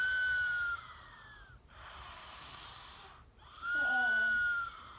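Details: Cartoon character Fred's whistle-snore (1962, season 2): a long, high whistle on each breath out, alternating with a rougher breath in; a simulated whistling snore.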